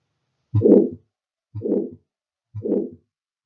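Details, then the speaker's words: Simulated heart sound teaching example, about 60 a minute: three rushing crescendo-decrescendo (diamond-shaped) systolic ejection murmurs; aortic stenosis ejection murmur. "neste primeiro slide vamos mostrar o sopro que vimos anteriormente de ejeção a ótico com esquematização em diamante"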